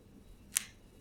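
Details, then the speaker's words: Left knee, clicking for about two months, as it straightens from full flexion in a short lunge: a single sharp, crisp click; knee crepitus. "I'll drop down to a very short lunge and there's a click I'll just uh make an adjustment here Shifting the the microphone so that uh it'll pick up the clicks a bit better"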